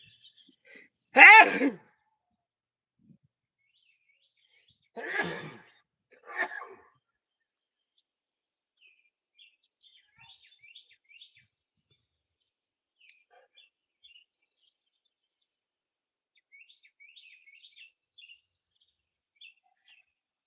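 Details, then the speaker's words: An older man outdoors in a backyard by a chicken coop gives a loud, sharp sneeze, then two smaller sneeze-like bursts, with faint birdsong; sneeze. ">> I bet you could hear that sneeze on every ring camera for a half a mile. That sounded like it echoed for days."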